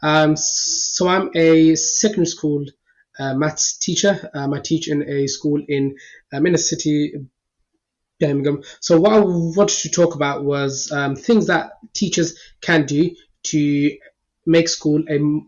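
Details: Adult male secondary school maths teacher who stammers; stammering.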